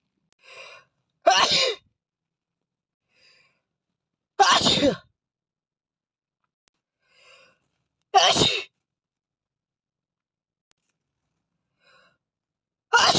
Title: Asian Boy messy Sneeze 🤧